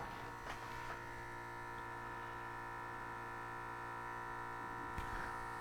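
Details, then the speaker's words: Steady motor buzz and low hum of a Withings BPM Connect automatic blood pressure cuff vibrating, tightening and filling with air during a self-measurement at home; cuff possibly not on tight enough. "Sorry for the funky sound if you're hearing the vibration of it tightening up and starting to fill up with air."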